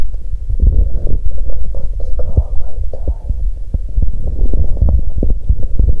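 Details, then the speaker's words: Low, continuous abdominal gurgling and rumbling with frequent short pops and squelches from a woman with abdominal pain on day two of her period; active bowel sounds (borborygmi). ""こっちもお腹がゴロゴロ鳴っている！"。"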